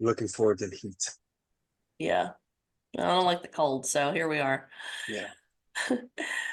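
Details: Adult speaker in conversation; normal voice.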